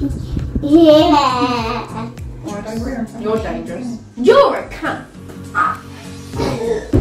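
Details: Involuntary vocal tics, including strong language, from a woman with Tourette syndrome who says she cannot control what she says.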